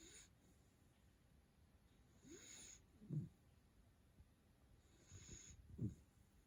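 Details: Black male Labrador Retriever puppy, three months old, snoring while asleep: quiet, low snoring breaths, about two snores in six seconds, with soft hissing exhalations.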